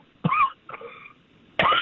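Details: A man coughing during a live radio interview: short harsh coughs with a throat-clearing quality in a quiet room; coughing fit.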